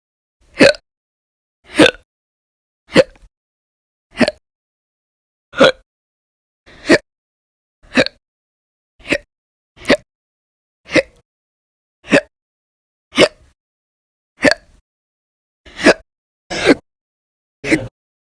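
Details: Hiccups recorded February 2020: sixteen sharp, abrupt hiccups recurring at a steady pace of about fifty a minute, with silence between.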